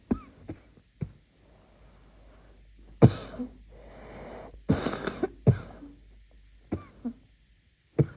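Muffled bursts of coughing come in a cluster, some stronger and rougher, with quiet gaps between.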